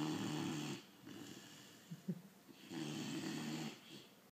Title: Great Dane puppy snoring